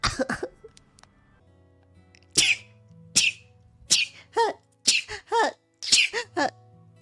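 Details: A person sneezes, then apologizes ("sorry about that").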